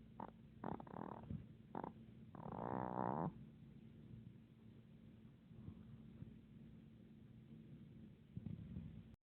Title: Daenerys the dog snoring# dog snoring #